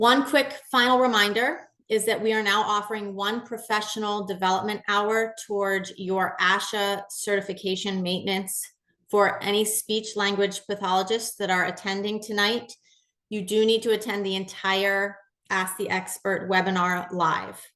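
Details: Adult woman speaking; normal speech.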